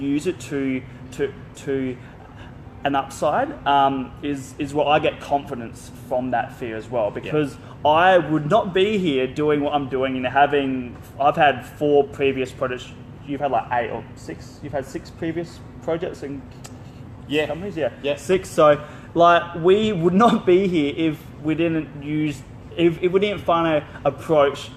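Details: Adult male with stuttering including blocks; he left school around age 16 because of his speech.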